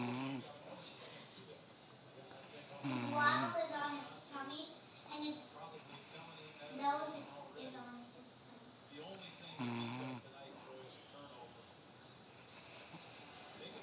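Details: Nana snoring in sleep: rough, rattling snores on slow breaths, roughly 19 per minute, with softer breathing between them.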